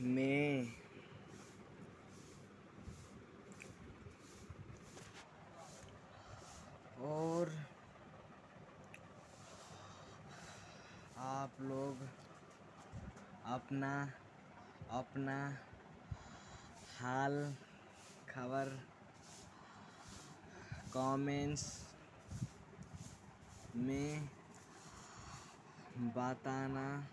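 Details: Stuttering (stammering) in a 16-year-old boy in 9th class who describes his own stammering problem and works on techniques to overcome it; speaking very slowly, word by word, with long pauses between words.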